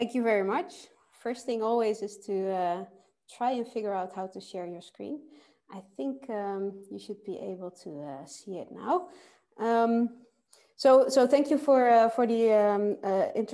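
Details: Adult woman speaking; Normal speech.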